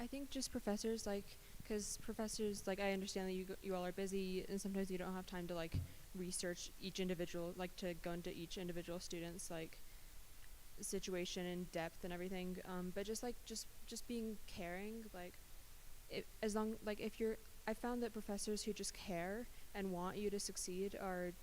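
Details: Adult woman speaking; normal speech.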